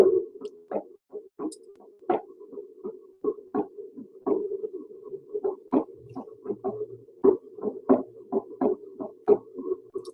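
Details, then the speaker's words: Heart sounds at uneven, unpredictable intervals over a steady hum, with extra sounds and skipped beats: irregularly irregular rhythm of atrial fibrillation. "But here is um atrial fibrillation. [Music] See how there's some extra sounds in there and then it'll skip a beat."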